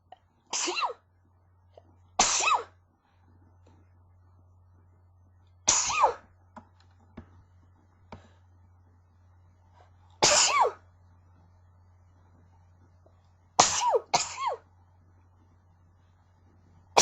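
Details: Six sharp, explosive sneezes in quick succession, with soft catches and pauses between them over a low room hum, from a person who is sick; sneezing fit.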